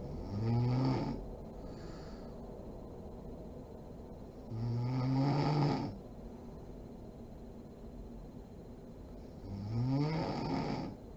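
Deep, rattling snores on each in-breath, about 13 breaths a minute, with a steady hum in the room.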